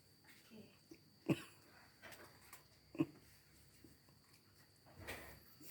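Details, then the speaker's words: Demonstration of effective cough technique: male patient, after three deep breaths held for a count of three, gives two sharp forceful voluntary coughs with a softer breathy sound after, in a quiet room, acted. "Tarik nafas, tahan 1, 2, 3, hembuskan. Lalu tarik nafas lagi 1, 2, 3, hembuskan. Ini yang ketiga 1, 2, 3. Lalu batukkan Pak."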